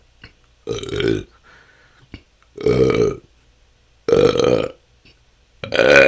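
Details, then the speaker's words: Person with a couple of years of excessive belching that can go on for hours, during a ten-minute natural burping session. Four loud, prolonged voiced belches follow closely over six seconds: excessive belching. "this can go on for hours this has been my struggle for the last couple of years it seems like somehow didn't let out enough gas and have stored up so much"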